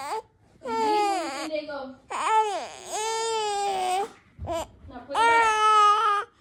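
Several loud, tonal crying bursts with rising and falling pitch, separated by brief gasping pauses; an ordinary infant cry.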